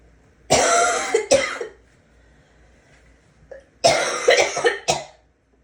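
Two clusters of harsh, forceful coughs with retching, throat-clearing quality, separated by a quiet pause; a gagging cough.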